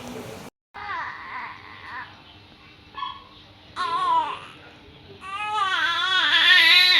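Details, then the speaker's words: 18-day-old newborn boy crying, treated in hospital for jaundice after birth; mother notes he rarely cries. "এই কান্নার আড়ালে যে কত কথা লুকিয়ে আছে তা একমাত্র মাই বুঝতে পারে। কখনো পেট ব্যথা, কখনো ক্ষুধা, কখনো বা আদর পাওয়ার বায়না।"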